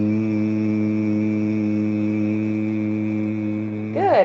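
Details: Male patient with essential vocal tremor after deep brain stimulation surgery; tremor motion is reduced and improvement is perceptible; essential vocal tremor, improved after deep brain stimulation.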